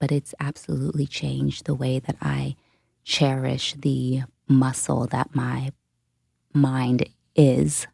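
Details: Adult woman who self-reports a stutter; stuttering.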